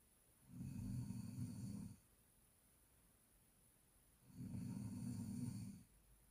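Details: Snoring: two long, low, rumbling snores about two seconds apart, with quiet pauses between them.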